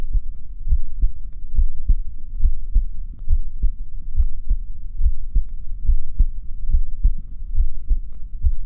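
Steady, deep, regular lub-dub thumps at about 70 beats a minute; a normal resting heartbeat.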